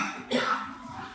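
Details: A single short, sharp cough from an adult during a Sunday gospel sermon in a small room, with faint room noise; throat-clearing follows.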